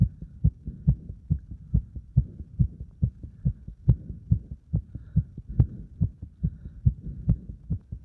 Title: バーピー後にディープスクワットで追い込んだ心臓の音